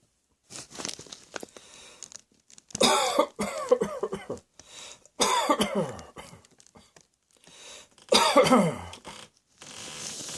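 Several loose coughing bouts with throat clearing in a small room; a plain adult cough.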